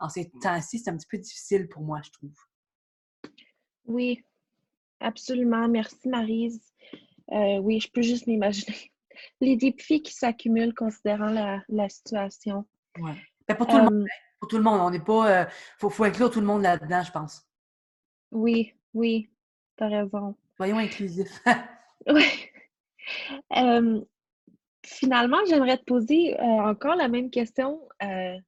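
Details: Adult male who stutters, mild to moderate depending on circumstances and day, with repetitions and blocks; French speech; stuttering.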